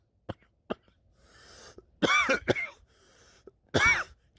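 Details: An adult gives several harsh, wet coughs with throat clearing and brings up sputum, described as coughing up a chunky mass: a productive cough.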